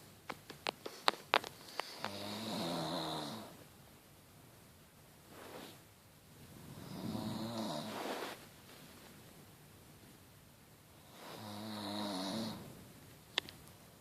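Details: Three rattling snores about five seconds apart, with a few sharp clicks at the start and in the quiet gaps; snoring.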